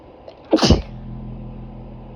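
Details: Female sneeze set off by a small makeup brush dipped in black pepper: a short, snorting double sneeze, then steady background hum.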